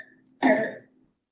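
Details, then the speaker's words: Child with croup in pediatric emergency teaching: a single harsh, barky, seal-like cough, the classic barking cough of croup. "yeah so that's like the classic barking cough that we see with coop as well"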